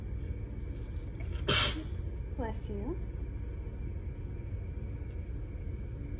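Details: Allergic sneezing fit after bleach exposure, with pollen and loopiness from nighttime medicine, described as the itchiest ever: one forceful wet sneeze followed by a short voiced gasp or whimper over a low room rumble.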